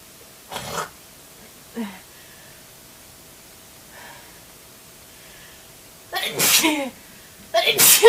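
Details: Several forceful, explosive spray sneezes with a hissing spray, two short ones early and two loud ones at the end; sneezing.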